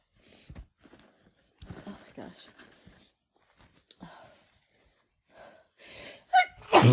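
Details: Woman with her first head cold of the year, sneezing after using chhinkni: gasping in-breaths with quieter snorts build to a forceful sneeze near the end, part of a sneezing fit she cannot stop.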